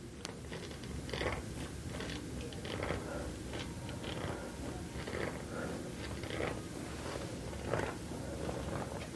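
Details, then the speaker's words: Instrument-assisted soft tissue scraping of both sides of the forearm of a female bikini bodybuilder during chiropractic treatment: soft, gritty crunching and scratching strokes from a metal tool in a quiet room. "All right, so if you guys want your ASMR for scraping, here is the forearm. Then this side of the forearm here."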